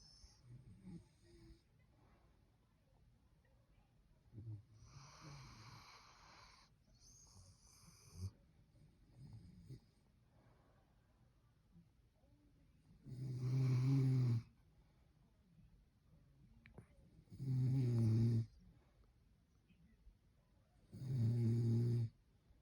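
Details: Female rescue dog snoring while asleep: loud, low rumbling bursts about every four seconds, with quieter breaths before.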